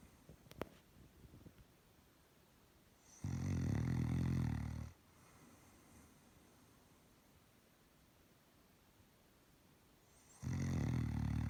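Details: Sleeping Doberman dog snoring: two long, low, rattling snores separated by about five seconds of quiet breathing.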